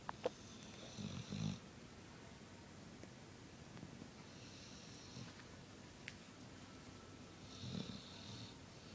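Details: Snoring at night during sleep: two soft, low snores with a gentle rattle, several seconds apart, over quiet room noise; mild snoring.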